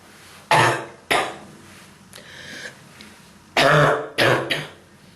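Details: Person with strong bronchitis and throat and chest pain: four harsh, forceful cough bursts with throat-clearing between them.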